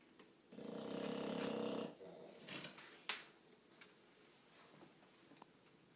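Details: Sleeping bulldog: one rough, snorting snore lasting over a second, then softer snuffles and a sharp snort. Snoring.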